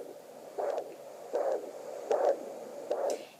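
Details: Fetal heartbeat at 7 weeks 3 days of pregnancy, picked up by home fetal Doppler: rhythmic whooshing pulses over steady Doppler hiss.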